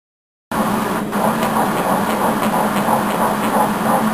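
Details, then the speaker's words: Fast, faint rhythmic whooshing through heavy Doppler hiss, roughly 180 beats a minute: an early-pregnancy fetal heartbeat on Doppler, heard earlier than usual, with the baby moving out of range. "you take it exciting yay that's nice to hear it cuz usually this early we can't"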